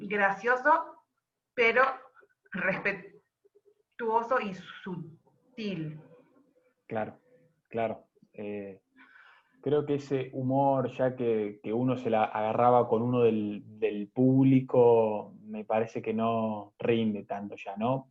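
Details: Adult woman who stutters, speaking Spanish; stuttering.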